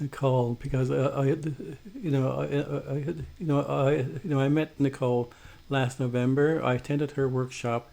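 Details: Man who identifies as a person who stutters, with self-described blocks and prolongations, speaking English as a podcast co-host; real. Finding: stuttering.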